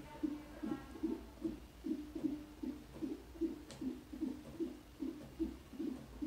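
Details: Fetal heart sounds heard for the first time during pregnancy on a CTG/Doppler monitor: rapid, regular whooshing pulses at about 148 beats a minute.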